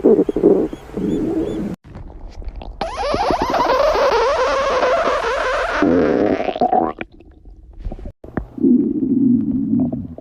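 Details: Girl's stomach growling: low bubbling rumbles give way to a long, squeaky, gurgling swell with rising and falling tones, then further soft rumbling; borborygmi.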